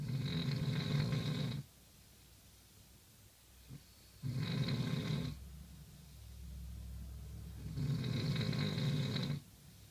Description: More serious snores